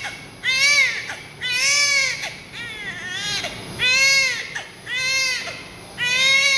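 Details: Newborn, at a bath removing vernix caseosa: loud, rhythmic crying in repeated bursts with short breaths between, about 26 cries a minute; an ordinary healthy cry.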